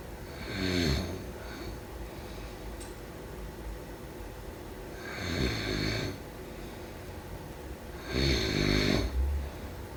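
Three loud, rattling snores on inhaled breaths, roughly every four seconds, over a steady low room hum: typical snoring.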